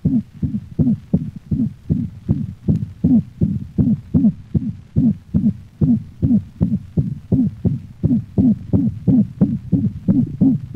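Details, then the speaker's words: Dog, canine auscultation: another variation of the systolic whoop, a musical murmur varying in frequency that may alternate with the mixed holosystolic murmur of mitral insufficiency; rapid heartbeat with whooping systolic murmur. "the musical hoop varies in frequency and may alternate with the more common mixed holosystolic murmur of mitral insufficiency listen to another variation of the systolic hoop"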